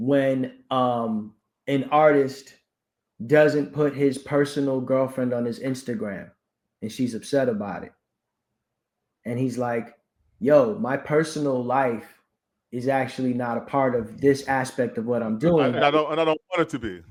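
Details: Adult male speaker; typical speech.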